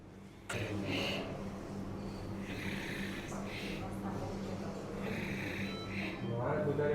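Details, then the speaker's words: Rough, fluttering snoring bursts over a steady equipment hum during drug-induced sleep endoscopy in a patient with sleep apnea (over 50 apneas per hour on polysomnography); soft palate, lateral pharyngeal walls and tonsils are involved. "Ko'rganimizda bemorda asosan yumshoq tanglay va xalqumning yon devori, bodomcha bezlari xurrak otishda va nafas to'xtab qolishda qatnashyapti."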